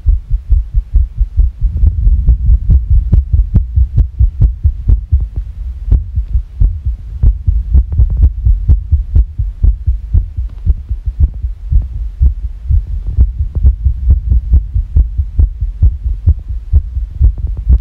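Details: Rapid low thumping with uneven spacing between beats, described as sick; fast irregular heartbeat.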